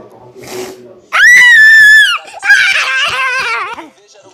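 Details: Infant crying: two loud, high-pitched wailing cry bursts, presented as a sound effect.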